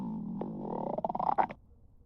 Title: Stomach Growl